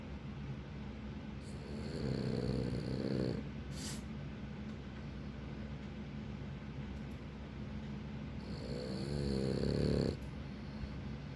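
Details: Two loud, rattling snoring breaths a few seconds apart over steady room hum; snoring in a sleeping French bulldog–Boston terrier cross (Frenchton).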